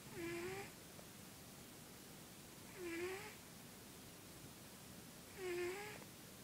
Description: Sugar Ray the cat snoring...